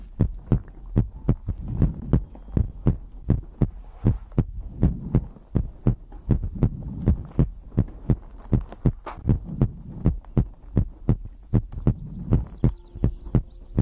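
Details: Steady paired low thumps at about 80 beats a minute with faint background noise: an ordinary heartbeat, recorded for ASMR.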